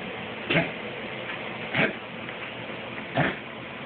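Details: Dog's cough: three short, harsh honking coughs about a second apart, a milder episode than usual; the back often arches and he seems to try to cough something up, and the owner suspects early congestive heart failure.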